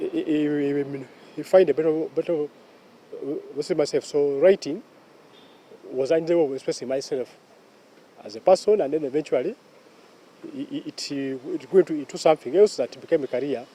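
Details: Stuttering in a 44-year-old man who has stammered since childhood, with repeated sounds, syllables and words, prolongations and blocks, reportedly worse when he is sick; stuttering (stammering).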